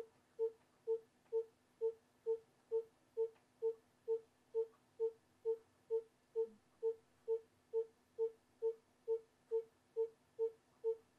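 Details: Simulated fetal heart monitoring: regular pulsing monitor tones at about 133 per minute, within the normal fetal heart rate range.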